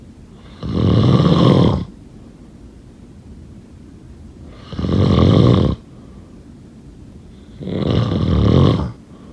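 Three loud, rough, low-pitched snores about 3 seconds apart, each lasting about a second.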